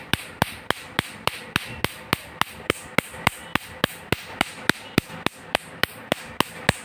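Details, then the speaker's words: Sharp, regular snapping clicks about 105 a minute, the pulse firing of a laser machine removing a small tattoo, done in two laser steps. "এখানে tattoo সহ মুখের দাগ তিল আচিল এগুলো remove করা হয় laser machine দ্বারা।"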